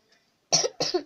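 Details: Child coughing: two quick, forceful coughs, each a sharp burst trailing off with a rough voiced tail.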